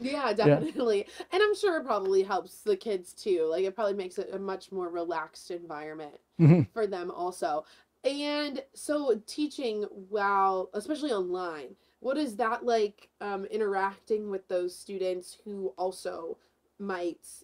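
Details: Adult woman interviewer; normal fluent speech.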